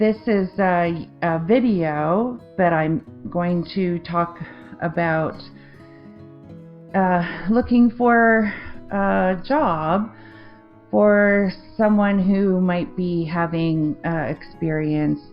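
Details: Adult woman with aphasia after a 2023 stroke affecting the left-brain language centre, with word-finding difficulty, confusion with words and difficulty forming sentences; non-fluent aphasia.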